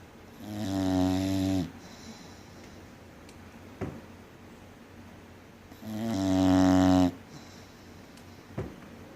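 Two long, loud, droning snores about five seconds apart, with quiet breaths and small snorts between them.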